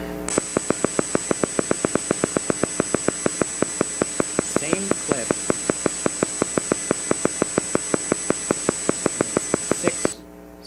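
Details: Needle EMG motor unit potential: steady, evenly spaced sharp clicks about six per second, a 6 Hz firing rate, faint steady hum behind, brief voice at end.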